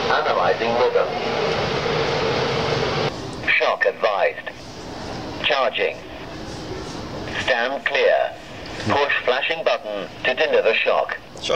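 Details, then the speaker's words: Public access automated external defibrillator used in a cardiac arrest demonstration: synthetic voice prompts guiding pad placement, "do not touch the patient, analyzing", with pauses and rising tones, before shock delivery. "it on we then follow the voice prompts that the Machine gives us"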